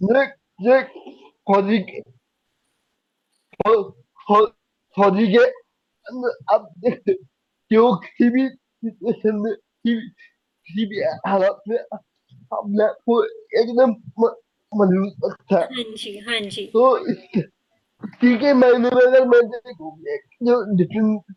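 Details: Young adult man with cerebral palsy diagnosed at age 2, unable to speak as a child, still needing double effort to speak clearly; dysarthria.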